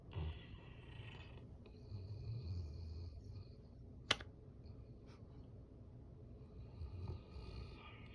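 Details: Zenia snoring with her head pressed against the air conditioner, sounding like its compressor, which was off at the time.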